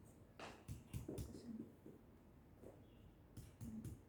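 Soft, short finger taps on a child's chest give a flat, muffled thud with little ring: dull percussion note over the heart.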